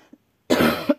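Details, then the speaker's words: Adult woman with a severe choking cough with crackles, expectorating sputum, coughing for hours without a break: a single harsh, rough, loose rattly productive wet cough. "он душит кашель душит кашель так причем им с хрипами причем он отхаркивающее он прямо идет вот отсюда и с хрипами"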